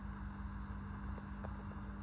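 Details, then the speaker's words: Sefam S Box CPAP machine started through its companion app with no mask connected: a steady low motor hum with a faint whir as the machine starts up. "মেশিনটা start হচ্ছে। বলবে যে mask যেহেতু এটাতে connected নেই বলবে mask"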